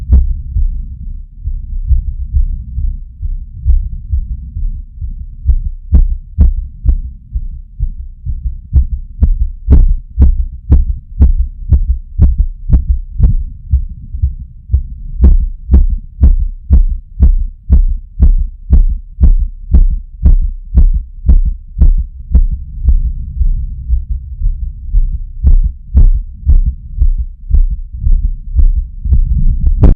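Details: Adult's rapid, regular, pounding heartbeat near 120 beats a minute with heavy breathing after climbing stairs, a normal speed-up after exertion.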